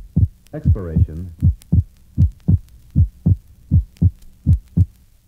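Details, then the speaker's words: Normal healthy subject in a 1965 teaching recording, heard at the pulmonic area: regular heartbeat near 80/min, second sound splits widely on inspiration and is single on expiration (physiological splitting). "you will note that on inspiration splitting is wide and an expiration a single heart sound is heard refer to figure 27"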